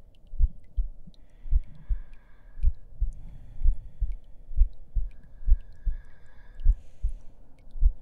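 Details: Soft, steady low heartbeat thumps, roughly 80 a minute, with faint high clicks behind, in a simulated ASMR roleplay audio; heartbeat.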